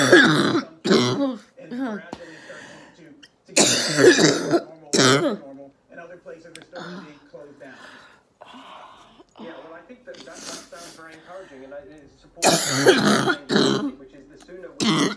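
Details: Woman, an orthopedic surgeon with COVID-19 recovering at home, day 16: sudden choking coughing fit dislodging a mucus plug; bursts of harsh coughing and throat clearing with gasping, strained breaths between.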